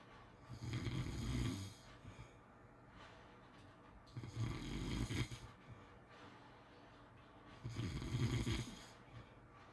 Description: ASMR snoring sounds to sleep well